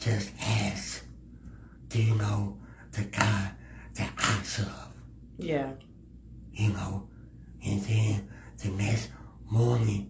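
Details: Male podcast guest who has a speech impediment; speech impediment.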